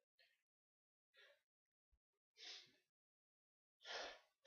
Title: Sneezes & hitching.